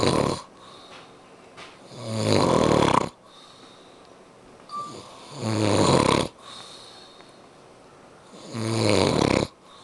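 Loud, rattling snores on each breath in, roughly three in ten seconds, with softer breaths out between. Heavy snoring during sleep.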